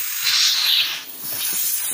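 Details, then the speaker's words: Steady airy hiss of air flowing from the nebulizer port of an oxygen concentrator (flow 0–5 L/min, with humidifier); normal working sound. "this is a humidifier and this port is for nebulizer"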